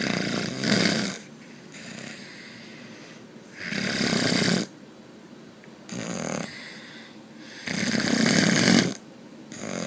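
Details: Heavy snoring: loud rattling snores on each breath, four in ten seconds, about 24 breaths a minute, with quieter breathing between.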